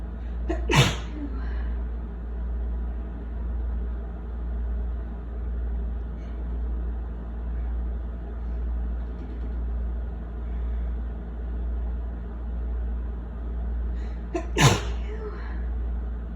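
Two sneezes about fourteen seconds apart, each after a short breathy build-up, over steady low engine-like hum.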